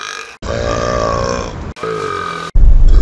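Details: Two long, loud, low rumbling belches in quick succession; burping.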